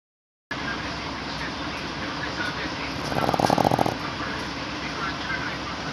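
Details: Dog named Coco snoring while asleep: one brief fluttering, rattly snore under a second over steady room hiss.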